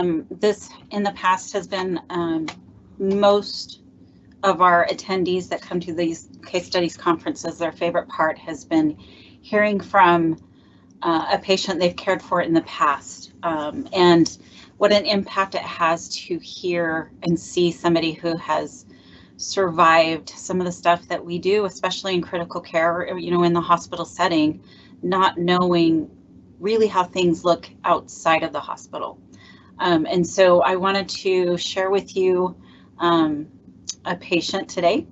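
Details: Adult woman speaking; normal speech.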